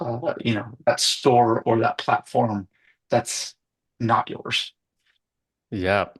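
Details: Adult man speaking conversationally; typical speech.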